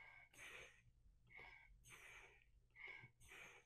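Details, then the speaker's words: Simulated bag-valve-mask ventilation on a mannequin with an EOlife monitor flagging high frequency: quick rushing breaths coming too fast, ventilation rate excessive and needing to slow. "showing high frequency. I need to slow down."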